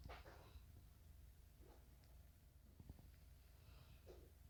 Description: Leo The Border Collie ep.12 - Border Collie Snoring